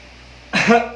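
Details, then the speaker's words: Adult patient gives a single short voluntary cough after quiet, asked to clear the airway of mucus before chest examination and auscultation. "can you please clear your airway by coughing one or two times"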